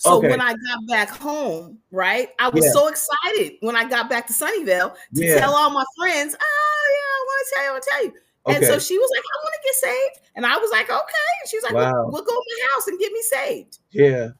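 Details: Adult woman speaking in conversation; normal speech.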